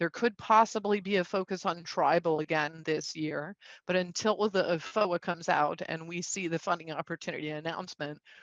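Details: Male speaker with spasmodic dysphonia, a neurological vocal cord disorder diagnosed a couple of years after 2001 through a telemedicine consult; he says symptoms act up and are audible; also has Duane syndrome (neurological eye disorder); spasmodic dysphonia.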